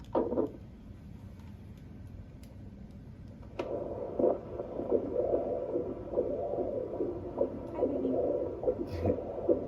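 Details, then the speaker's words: Fetal heartbeat on Doppler at a 39-week prenatal appointment: fast rhythmic whooshing pulses at about 145 beats a minute; normal fetal heartbeat. "baby maybe sounds great what's up in there grooving"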